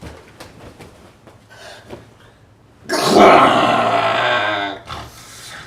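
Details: Comedy sketch, based on a true story: quiet breathing, then one long, loud, harsh rattling snore.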